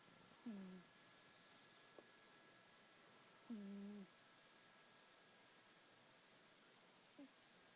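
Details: Snoring during sleep.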